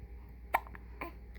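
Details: Two short, abrupt hiccups about half a second apart over a steady low room hum; hiccups.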